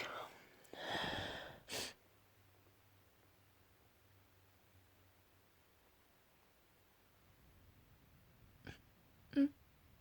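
Several forceful, hissing sneeze bursts close together, a long quiet pause, then two smaller sneeze-like bursts: a sneezing fit.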